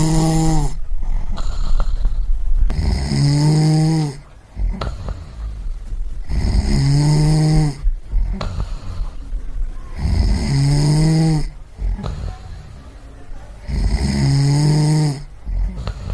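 Loud, rattling snores with a whistling rise on each breath in, about every 3.3 seconds, roughly 18 a minute.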